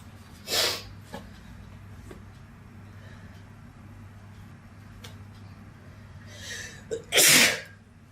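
Two sharp, explosive sneezes, the second preceded by a brief inhaled build-up, against a low steady room hum.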